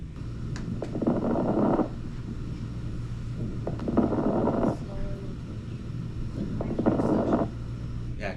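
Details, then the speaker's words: Fine crackles from lung-sound teaching software played in a nursing class: brief crackling pops over soft airflow across three breaths, likened to snow on a TV or to suction; crackles described as usually meaning fluid in the lungs. "that's fine crackles it sounds like the TV it sounds like snow on the TV"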